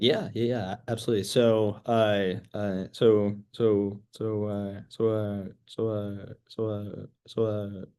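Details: School-age girl who stutters, real person receiving speech therapy; stuttering.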